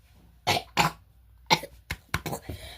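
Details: Several short, dry coughs and throat-clearing bursts from a child in a quiet room; the child says they have the flu.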